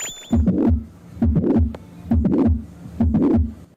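Regular heartbeat near 67 per minute, each beat pair joined by a soft whooshing sound: a murmur of a leaking heart valve.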